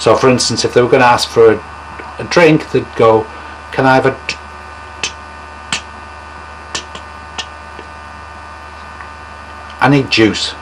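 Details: Former therapist demonstrating, not a real stutter, the most severe stammer type: the speaker anticipates getting stuck, stops, and substitutes another word: stuttering block with word substitution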